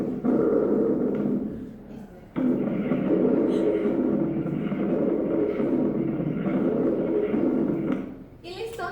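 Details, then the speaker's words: Rhonchi in a teaching recording: coarse, low-pitched rumbling, snoring, rattling breath sounds, much thicker than normal vesicular breathing, likened to phone-line interference. "En cambio roncos es como cuando conversas con alguien por teléfono y esa persona está en la carretera y suena así y como interferencia"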